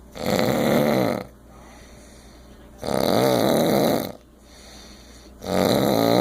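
Loud, rattling snores on each breath in, with quiet breaths out between, about 23 breaths a minute.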